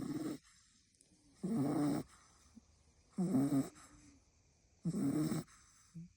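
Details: French bulldog puppy asleep in owner's lap: rhythmic snorting, rattling snores, about 24 breaths a minute, with quiet pauses between; snoring.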